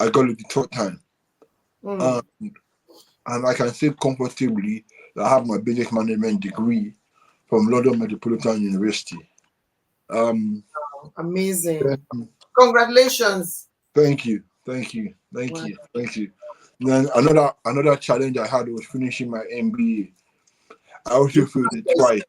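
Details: Adult man with cerebral palsy since birth, which he attributes to high bilirubin at birth and says affects movement and speech: dysarthria.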